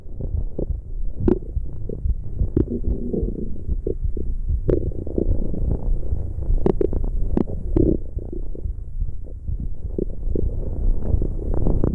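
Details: ASMR stomach growling: continuous low rumbling with scattered gurgles and pops; borborygmi.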